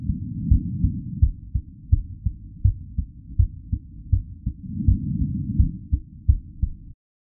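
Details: Real recorded heartbeat pulse at a normal rate, looped: steady, low, muffled thumps at about 85 beats a minute under a faint hum; normal heartbeat.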